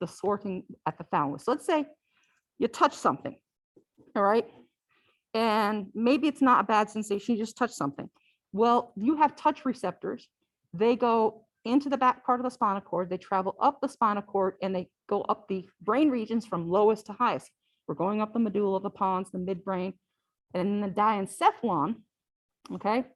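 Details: Adult female speaker; normal speech.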